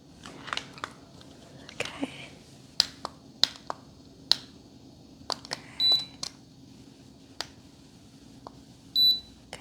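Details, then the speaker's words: Simulated head-to-toe exam: two short high beeps from a digital thermometer finishing a reading of 98.2 after a worry about early fever, with scattered clicks and tapping. "that's 98.3 so there's no fever but we can keep checking and monitoring you throughout the exam"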